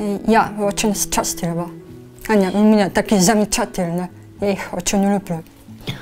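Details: 23-year-old woman diagnosed with grade 3 hearing loss at 1.5 months, cochlear implant at age 7, speech learned with speech therapists after activation; deaf speech (prelingual deafness, cochlear implant user).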